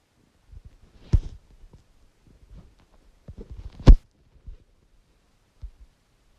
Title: Stomach growls